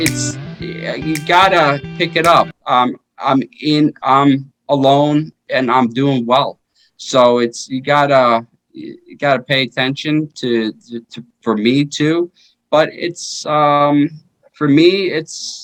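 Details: 33-year-old man with aphasia after a stroke in 2019, which followed repeat heart surgery that year; earlier heart surgery at age 16; initially unable to speak or move; aphasia.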